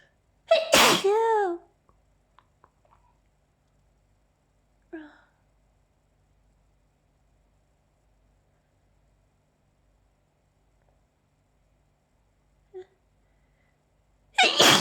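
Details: Sneezing fit with an itchy mouth from allergy: two loud, explosive sneezes about fourteen seconds apart, with faint breaths and sniffs between, and more sneezes felt coming.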